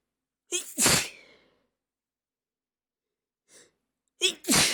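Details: Stifled and normal sneezes: two loud sneezes with quick in-breaths before each, and a small stifled sneeze between them.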